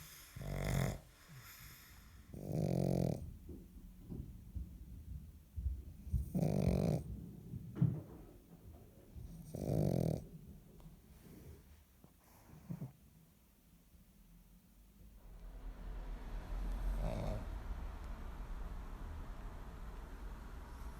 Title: Funny dog snoring 💤 Vă întrebați cum sforăie un PUG/MOPS? Aisha vă face o scurtă demonstrație 😍💤🐷😴